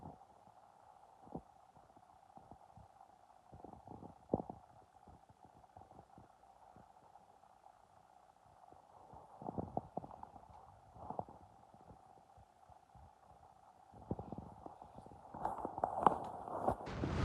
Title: I’m starving listening to my stomach growls